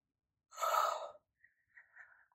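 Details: Woman with a tracheostomy, ventilator-dependent, severely ill since 2009, during an ongoing pancreatitis attack with severe pain; pain vocalization (groan/gasp).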